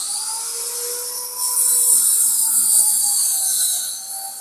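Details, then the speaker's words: Omron HEM-7140T1 digital upper-arm blood pressure monitor on a resting adult staying quiet during measurement: steady high-pitched motor whine rising as cuff inflates; reading then 118/81, normal pressure and heart rate. "আমি যখন মাপব তখন আমি একটু চুপ থাকব। Already measurement নিচ্ছে।"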